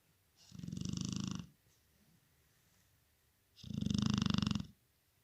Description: Gets MUCH louder with the Husband sawing logs on one side , and her on the other!